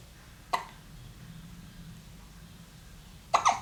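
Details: Baby lying calmly on a play mat: two short sharp bursts of breath separated by quiet, the second a quick double; small sneezes, then resumes gazing around.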